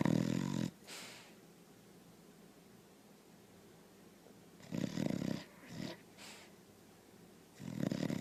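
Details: Rough, rattling snores on inhalation separated by quiet pauses, with a softer snort between them; ordinary snoring in a sleeping animal.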